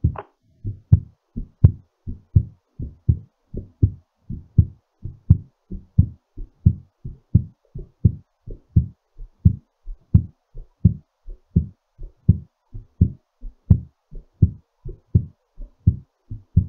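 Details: Regular, strong low heartbeats at about 83 per minute: a normal heartbeat settling during recovery after exercise.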